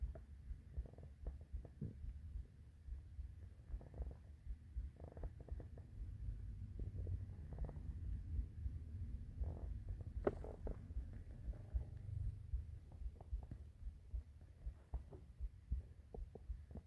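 Irregular low gurgles and rumbling growls throughout, with a few clicks; ordinary hunger growling of the stomach.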